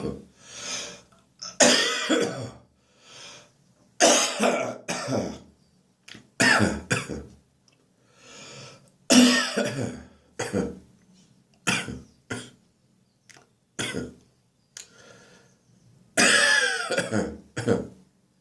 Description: My throat infection has given me a dry, slightly painful cough.